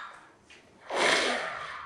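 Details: Young child snoring: a single rough, rattling snore-like breath, then a brief adult voice.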